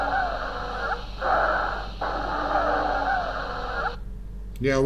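Whistling, musical breath sounds over two breaths, longer on breathing out, typical of wheezing from narrowed airways.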